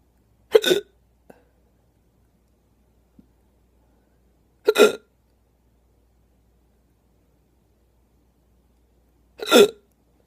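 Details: Three sharp, loud hiccups about four to five seconds apart, with silence between them; hiccups.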